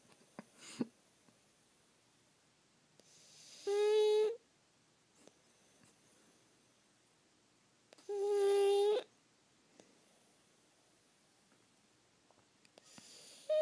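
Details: Two long, whistling, tonal noises on breathing, about 13 a minute, with quiet pauses between them, from a sleeping pug dog; snoring.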